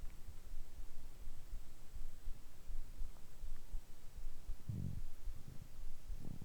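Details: Bowel sounds recorded after eating dumplings: soft low gurgles and rumbles over steady hiss, with a few louder bursts near the end.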